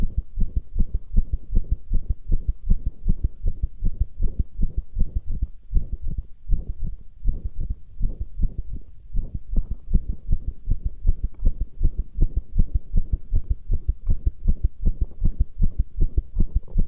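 Rapid, regular low thumping heartbeat, roughly 150–160 beats per minute, with a steady hum underneath.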